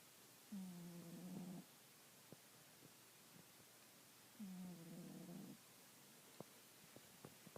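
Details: Sleeping cat snoring: two long rumbling breaths about four seconds apart, with quiet gaps and small clicks between them.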